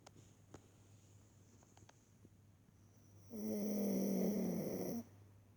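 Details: After a quiet stretch, one long, loud, rattling snore lasting about two seconds from Boo, sleeping on a blanket.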